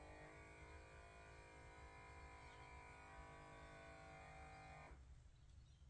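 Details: Steady motor hum of an automatic home blood pressure monitor's cuff pump inflating for about five seconds, then stopping, taken for comparison with a Samsung Galaxy Watch 4 reading; blood pressure monitor cuff inflating.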